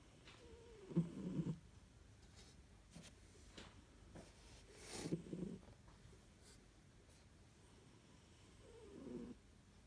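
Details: Lexi, a Siberian cat, snoring during a lunchtime nap in his cat carrier.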